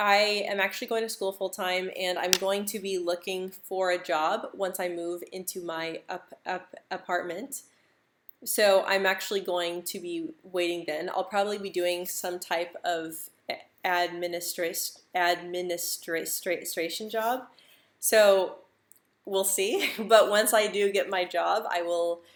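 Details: Adult woman who stutters, speaking English in a live stream; she reports stuttering more when stressed, insecure or nervous, with jaw and tongue tension; stuttering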